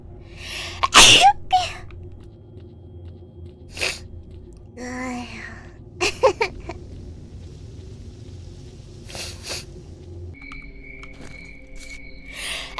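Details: A VTuber's loud, explosive sneeze, then a second smaller burst and a few further short bursts over a steady room hum; sneezing.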